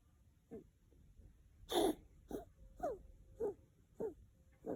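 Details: Dog coughing: a run of about seven short, harsh, slightly honking cough bursts in under five seconds, with quiet gaps between them; repeated coughing.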